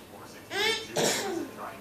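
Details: Voluntary fake cough from a 9-month-old baby being goofy for the camera: two short, voiced, playful cough-like bursts, not an illness cough.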